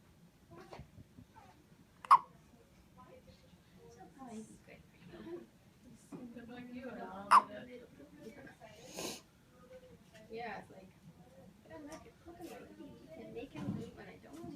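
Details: Two sharp, abrupt hiccup sounds about five seconds apart, with quiet conversation in the background; hiccups, heard as a young dog's.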